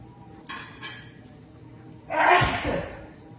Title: Bichon Frise Here is little Gibbs being his goofy self The sneeze reaction is a riot